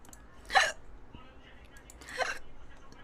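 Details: Livestreamer with hiccups, who says the hiccups are painful: two sharp, abrupt hiccups about one and a half seconds apart over quiet room noise.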